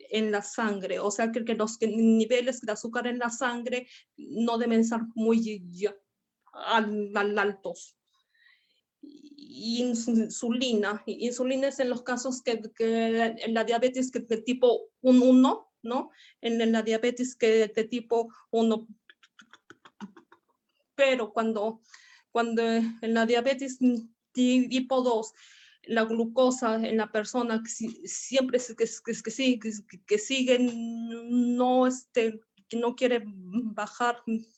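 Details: Stuttering in a male first-time participant from Argentina at a stuttering practice group, giving a deliberately unprepared presentation because he reports current problems with his spontaneous speech.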